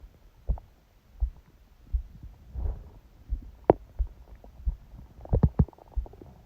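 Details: Person asleep, phone held on the belly by a book, recorded for 10 minutes: quiet low thuds and brief gurgling rumbles, normal bowel sounds (borborygmi); the heartbeat was also unusually loud and fast.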